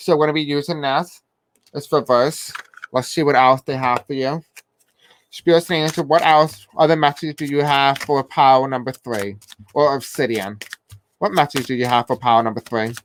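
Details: Self-described deaf accent; the speaker says they may have difficulty pronouncing certain words. Deaf speech.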